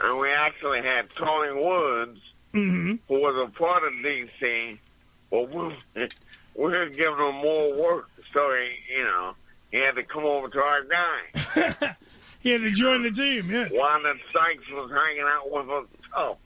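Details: Adult man after two strokes, with his voice affected after the second, about two years of recovery and speech therapy with word-repetition practice; post-stroke speech impairment (mild dysarthria).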